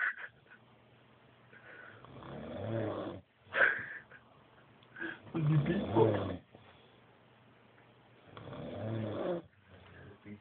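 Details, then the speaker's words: Drunk sleeping adult man snoring extremely: irregular, rough, rattling snores on the in-breath with pauses between, while others laugh. Snoring. "Hier, gib mir der Schnarchbeat. Ende. Du schnarchst extrem."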